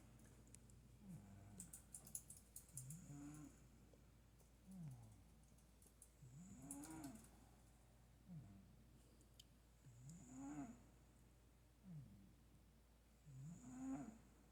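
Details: Sleeping cat snoring softly and rhythmically, about 17 breaths a minute, each breath carrying a faint rising whistle-like tone; light background clicking.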